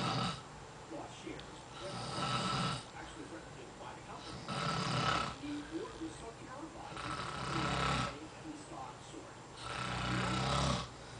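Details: Person snoring at night during a 2007 multi-day ride: loud, rough snores on each breath in, quiet breaths out between, roughly 20 to 24 breaths a minute.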